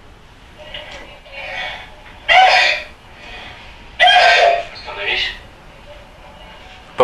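Three loud, harsh, barking coughs with softer throat-clearing sounds between them, a habit (psychogenic) cough.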